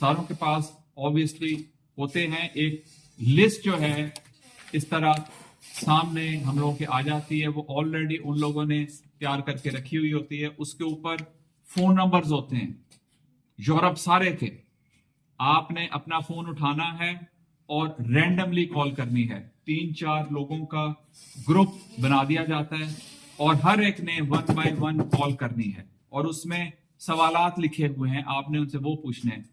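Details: Adult man with a formerly fairly significant stammer, now speaking with fluency-shaping techniques learned at a stammering seminar; trainer judges him about 90% effective today.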